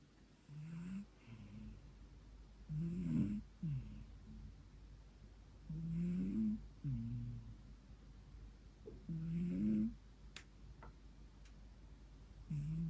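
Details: A 14-year-old rescued cat snores while sleeping, with low, rumbling sounds on each breath, about 18 breaths a minute.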